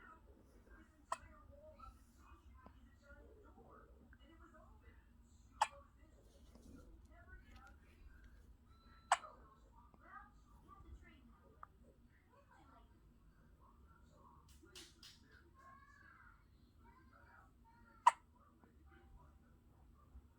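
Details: 4-day-old newborn baby: soft, sharp hiccup clicks, about five in twenty seconds, over quiet room noise; infant hiccups.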